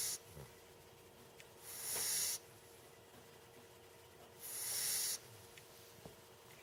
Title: puppy snoring